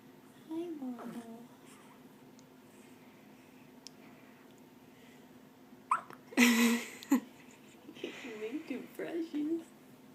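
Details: Hiccups in a four-day-old newborn baby: short, abrupt catches in the breathing, with soft adult talk in a quiet room.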